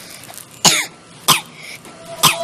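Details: Three short, sharp acted coughs, evenly spaced, with some throat clearing and faint room noise, in a children's health education segment about smoking.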